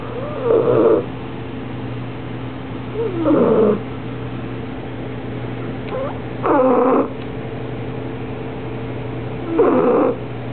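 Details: Soft, squeaky, whistling snoring with a steady rhythm of about 19 breaths a minute from a sleeping 6-month-old female Bulldog puppy.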